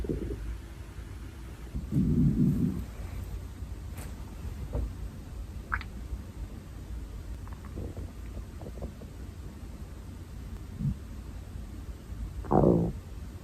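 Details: Hungry girl's stomach growling, from a compilation: loud, low rumbling growls with gurgles and a rising squeal at the end, normal hunger borborygmi.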